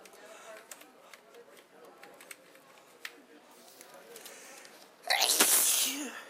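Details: Sneezing fit, the first in a long time: soft clicks and breaths lead into one loud, forceful sneeze near the end.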